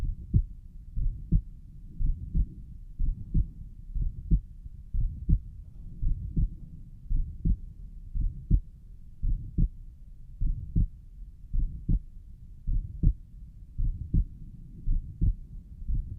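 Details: Self-recorded steady heartbeat near 60 a minute with a soft, low whoosh between the thumps over the pulmonic area; the person suspects a mid-systolic murmur.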